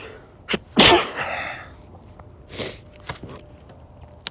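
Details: Adult male who is a little sick with a cold. He takes a quick intake of breath, then gives one explosive sneeze with a trailing exhale and sniffs.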